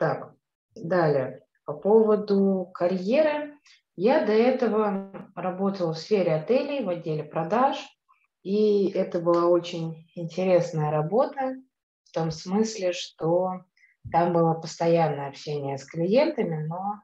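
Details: Adult woman who has stuttered since childhood, speaking after completing a stuttering course; stuttering.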